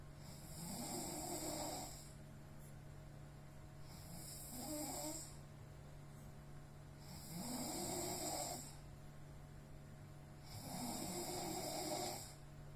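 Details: Heavy snoring during sleep when exhausted: four loud, rough snores on the in-breaths, about every three seconds, over steady room hum.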